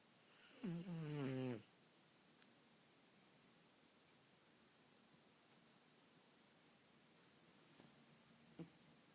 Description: This is why I always have bags under my eyes cause my cat snores on a daily basis... But I still love her!